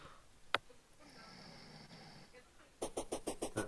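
A faint rough breath sound in a quiet room, then a run of short rattling snorts; snoring during sleep.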